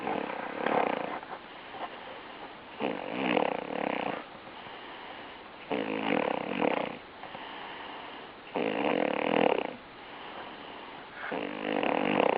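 Loud, regular snoring with rattling breaths in and out, about 10 to 11 breaths a minute.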